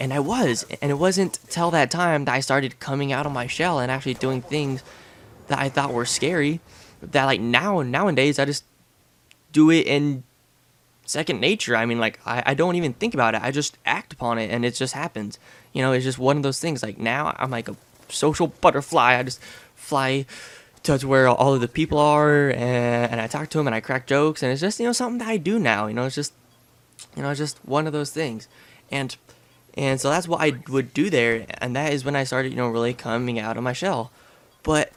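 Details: Adult male with lifelong stuttering since about age six, now relatively mild after speech therapy, with a family history of stuttering; word and phrase repetitions; finding: stuttering.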